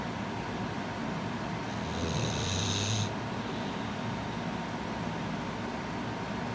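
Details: One soft, buzzy snore with a faint hissing edge from a sleeping puppy, against steady low background noise; ordinary snoring.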